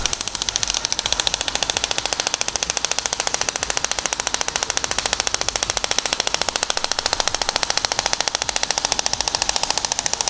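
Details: Shock wave therapy for plantar fasciitis, using a 15 mm focused head on the plantar area of the foot during a 1000-shot treatment: rapid, steady sharp clicking pulses, about 120 a minute, as the handpiece fires.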